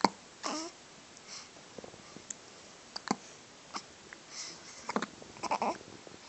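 Soft, quick catches and squeaks recur irregularly over a quiet room, consistent with hiccups.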